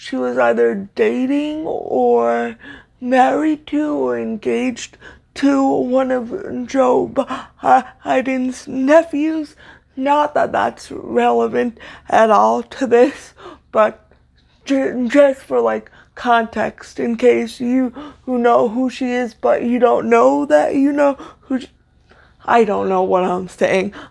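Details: Stuttering in a woman with cerebral palsy, a neuromuscular disorder she says affects motor control including speech; her stutter worsens when reading aloud; here spontaneous speech.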